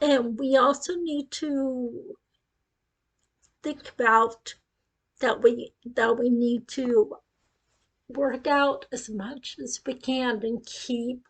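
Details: Ataxic dysarthria in an adult woman with acquired cerebellar ataxia following a brain tumor at age 18, initially called non-progressive but now deteriorating; she reports that her speech is affected.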